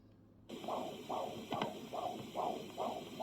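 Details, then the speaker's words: Normal fetal heart sounds on a handheld Doppler with gel, taken by a nurse after Leopold's maneuvers, mother supine with a pillow under her hip: rapid, regular whooshing fetal heartbeat at 140 per minute. "hear that the baby sounds the heartbeat awesome so that's 140 per minute which is beautiful for the baby"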